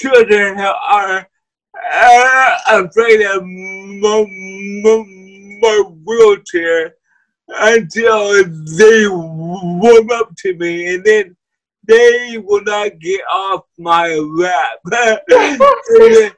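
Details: Dysarthria from cerebral palsy in a guest who uses a wheelchair.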